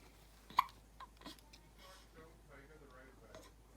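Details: Newborn hiccups in a baby girl aged one day to one week: a sharp, sudden hiccup then softer catches and quiet infant noises in a still room, with background music.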